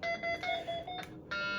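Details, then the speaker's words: Alert tone of an Iradimed MRI-conditional IV infusion pump during training: a repeating electronic beep pattern as a dex dose of 2 exceeds the 1.5 soft limit, which can be overridden by pressing enter. "then when I go to 2 it's saying I'm above a soft limit of 1.5 so if I want I can get under 1.5 but since it's a soft limit I can override it just by pressing enter"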